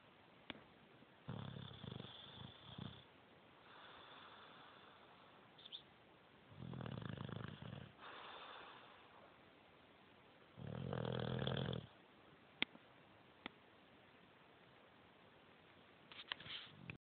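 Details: Bulldog asleep on the couch, three loud, rough, rattling snores on slow breaths with softer snuffling breaths between: snoring in a short-nosed dog.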